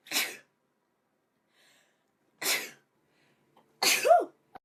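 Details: Female sneezing: three sharp sneezes in quick succession in a quiet room, the last with a voiced tail; ordinary repeated sneezing.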